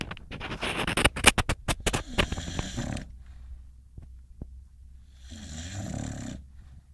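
Fast run of sharp snorts and fluttering snore sounds, a pause, then a softer drawn-out snore.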